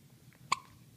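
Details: Three-day-old newborn with repeated hiccups: one sharp, brief hiccup in a quiet room, a normal newborn hiccup.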